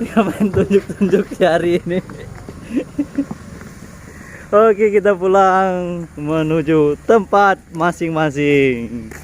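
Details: Adult speaker; normal voice.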